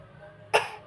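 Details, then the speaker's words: A child's single short, sharp cough rising abruptly out of quiet room noise. "Weh, wis terus neh watuk neh."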